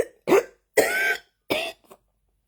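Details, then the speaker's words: An adult coughing again on waking in the early morning, after barely coughing the day before, gives three short, harsh cough bursts with a faint throat sound after the last. "I woke up this morning coughing up and St peep the difference between right now and yesterday yesterday yesterday I think if I I barely coughed once yesterday and now I'm coughing again"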